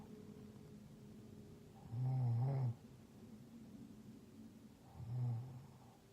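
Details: Two low, rumbling inspiratory snores over a steady humidifier hiss from a deeply asleep, sick roommate who has felt very congested lately; snoring with nasal congestion.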